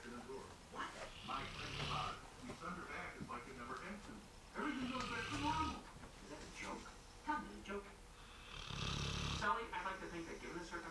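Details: Loud, rough snores from Sherman, a sleeping 16-month-old, 120-pound bullmastiff napping on a couch, about three in ten seconds, over television talk in a small room; ordinary snoring.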